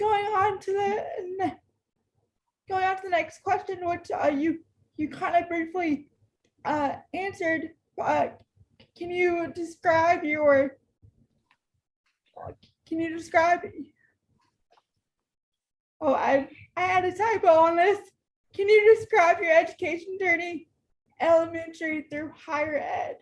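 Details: Woman in her 30s with cerebral palsy who uses a power wheelchair and reports difficulty getting her words out and being hard to understand; dysarthria (cerebral palsy).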